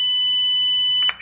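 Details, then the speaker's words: Simulated demonstration with a ZOLL AED Plus training defibrillator: after "shock advised, stand clear," a steady high electronic tone ends in a brief click-like burst as the shock is delivered. "analyzing shock advised still contribution flashing everybody stand clear shocking"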